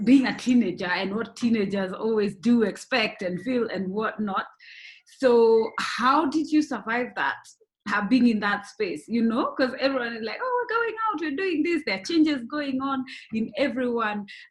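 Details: Adult woman speaking; Ordinary speech.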